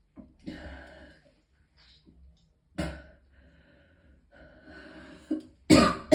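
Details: Several harsh, irregular coughs with throat clearing and strained breaths, the last burst loudest, from a person in extreme pain who vomited several times.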